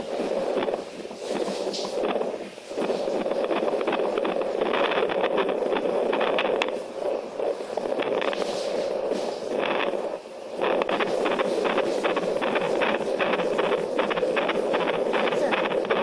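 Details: Real bedside Doppler ultrasound recording from a pregnant patient: rapid, rhythmic whooshing pulses of a normal fetal heartbeat; normal fetal heart sounds on Doppler.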